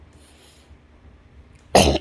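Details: One abrupt harsh cough after a quiet pause from an adult woman in a three-week COPD-asthma flare-up on antibiotics, steroid taper and oxygen, possibly triggered by pool chemicals from water aerobics.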